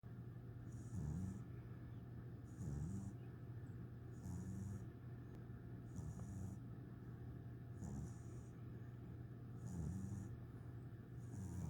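Soft, regular snoring breaths, about 36 a minute, each with a faint whistly hiss, over steady low background rumble.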